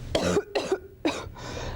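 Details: Cough from a person with a cold, sore throat and stuffed-up nose; influenza is also raised as a possibility.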